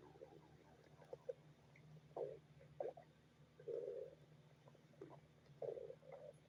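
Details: Irregular gurgling and bubbling bursts from a dog's belly: borborygmi, stomach growling from gas and fluid moving.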